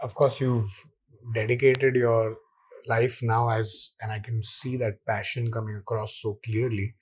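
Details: Adult man; normal speech.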